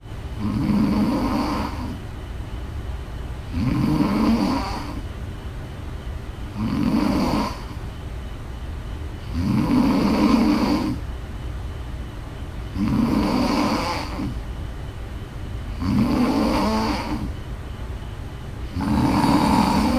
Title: Snores